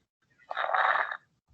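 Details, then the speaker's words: Imitated crackles demonstrated in a teaching session, likened to rubbing hair by the ear or crumpling paper: a brief crinkling rustle at the end of inspiration. "esto se va a escuchar al final de la inspiración porque trato de abrir el labio lo pero hace un esfuerzo tremendo y suena"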